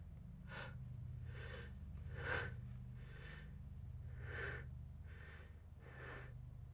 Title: More Sneezes